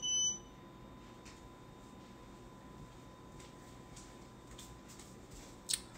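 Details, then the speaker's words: Omnipod insulin pump alert worn by the speaker during a livestream: a brief high-pitched electronic beep, then a quiet room and a faint chirp at the end. "i don't know why this is still beeping i wear omnipod and let me just turn off because it'll beep the whole"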